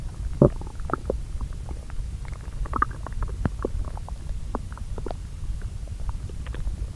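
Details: Normal bowel sounds recorded from two areas of the lower intestine and overlaid: soft, irregular, intermittent gurgles and brief squeaks over a low rumble while digesting the previous day's meals.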